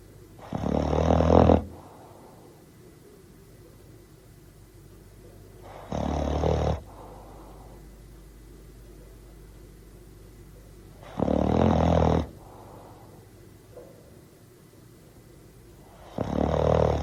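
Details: Bull terrier dog snoring: loud rumbling snores about once every five seconds, roughly 12 a minute, with quiet pauses between; sound effect recording.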